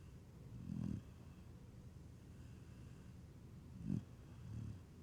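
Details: Low, rumbling snorts repeating every few seconds with quiet breathing between, from a sleeping dog after getting dirt in his nose while digging; snoring.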